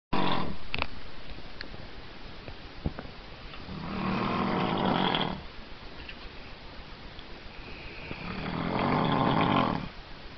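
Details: Adult man snoring: deep, rough, rumbling snores on each breath in, about five seconds apart, roughly 12 breaths a minute; loud snoring.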